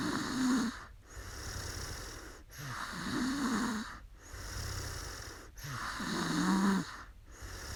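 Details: A young woman who fell asleep during a livestream snores roughly with a rattle on each breath, about 20 breaths a minute, with quieter exhalations between: ordinary sleep snoring.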